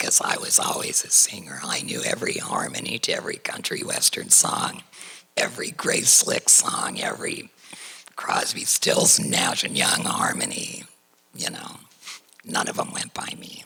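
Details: Tracheoesophageal speech through a voice prosthesis in a woman, after total laryngectomy for cricoid chondrosarcoma diagnosed in 2006 at age 55.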